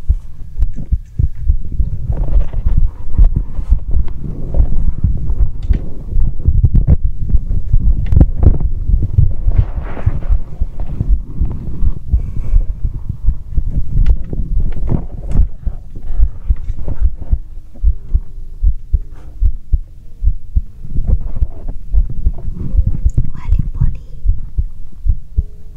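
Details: Heartbeat heard through a stethoscope, recorded as ASMR: low, muffled, ordinary heartbeat thumps mixed with rubbing and handling noise.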